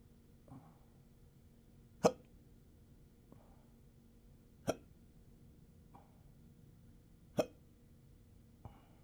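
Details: Self-recorded intractable hiccups with belching, choking spasms and developing achalasia since December 2015, now 12-hour episodes up to 7 days a week: sharp, abrupt hiccups about every two to three seconds with softer catches between.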